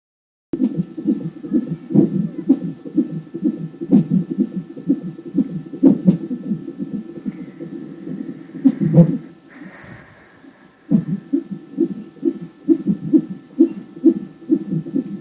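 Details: Baby girl at 34.2 weeks' gestation, during a non-stress test: rapid whooshing fetal heartbeat of about 130 a minute, with occasional stronger jolts from fetal hiccups and a brief dropout.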